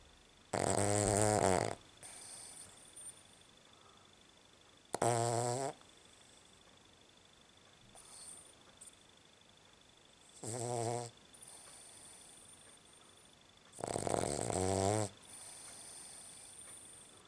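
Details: Snoring in a sleeping Cavalier dog at night, owner calls it horrendous: four loud, rattling snores about every four seconds, roughly 15 a minute, with quiet breathing between.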